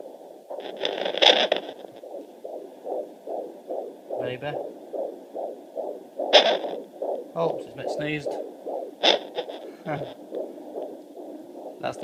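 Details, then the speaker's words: Fetal Doppler: rapid, regular whooshing fetal heartbeat at about 155 beats a minute, a normal rate, shown alongside the much slower maternal pulse. "I was showing you a video of the difference between a female heartbeat and the baby. The rainbow on the forum. That's baby. At 155, as you can see."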